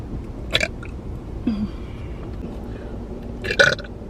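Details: Woman burping during a mukbang eating video: two short burps over faint room noise; ordinary belching.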